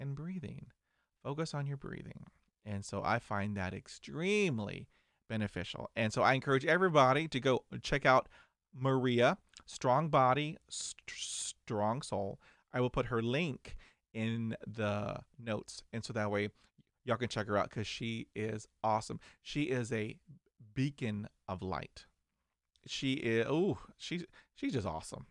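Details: 49-year-old man who stutters and still has blocks, managing it with diaphragmatic breathing, meditation, daily reading aloud and mirror practice; stuttering.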